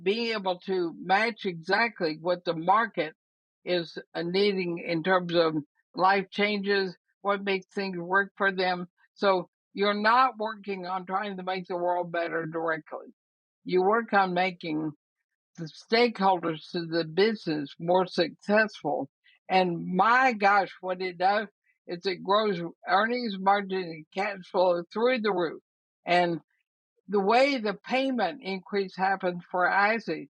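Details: Dysarthria in a woman of about 80 with ALS (Lou Gehrig's disease); she says her speech already shows quite a bit of trouble but she thinks she remains intelligible.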